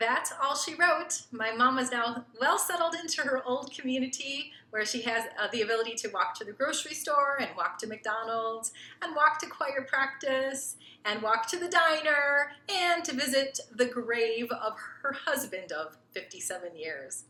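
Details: Adult woman narrating; normal fluent speech.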